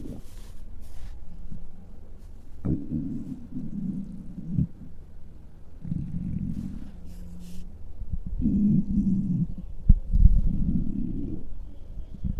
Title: 10 Minutes of a Giant's Extremely Hungry Stomach Noises (mic up)